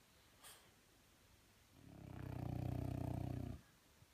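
A single long, low vibrating snore lasting about two seconds in a quiet room; typical snoring of a flat-faced dog.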